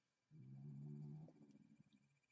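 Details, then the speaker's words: One long, low, rumbling snore from a sleeping female beagle, about a second long and fading into fluttery breath noise against a quiet room. "dog is snoring so if you hear that that's my dog miss a my beagle she's quite the snorer"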